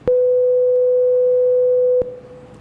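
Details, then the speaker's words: Pure-tone audiometry test tone: a steady, clean tone of moderate-to-high pitch lasting about two seconds, one of the higher frequencies used in hearing tests, which are typically the first to deteriorate with age. "Esos son unos tonos que serían ya frecuencias más agudas, que son las que principalmente con la edad se van deteriorando primero."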